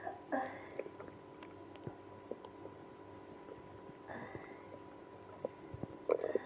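Quiet room with faint low gurgles and a few brief rumbling bursts. Stomach growling, with irritable bowel syndrome named.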